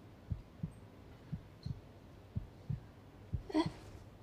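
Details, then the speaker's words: TV drama scene: soft regular Doppler ultrasound thumps, about 130 a minute, of an embryo's primitive heart tube pulsation, the fetal heartbeat, heard before a planned abortion. "这是什么声音啊？这是原始心管搏动，就是孩子的心跳声。"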